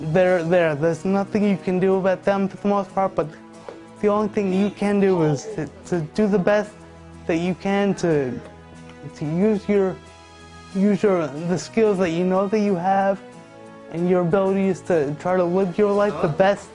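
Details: 27-year-old man with cerebral palsy diagnosed at birth: spastic quadriplegia after a brain bleed, born 10 weeks premature, all four limbs affected, muscles tightening when he talks; dysarthric speech in cerebral palsy (spastic quadriplegia).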